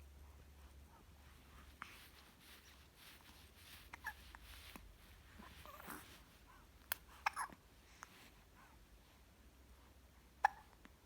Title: #11 1 month old baby hiccups/生後1ヶ月の赤ちゃんしゃっくりが止まらない